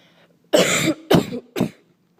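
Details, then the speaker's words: Three loud, harsh, deliberate coughs in quick succession, intentionally acted in a silent library; simulated cough. "So today I take it we're doing the coughing. For those of you who don't know what the coughing is, you will find out."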